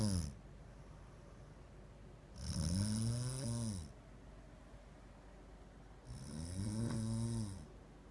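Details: Loud, buzzing, rising-and-falling snores with quiet pauses between breaths from a sleeping wife, keeping her husband awake at night; snoring.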